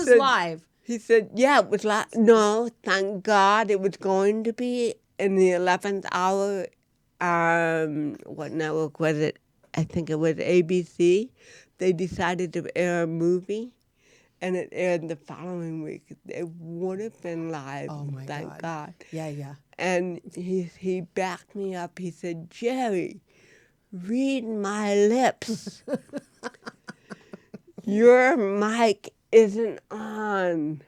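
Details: Real-life speech from a woman, an actress, who has cerebral palsy; dysarthria (cerebral palsy).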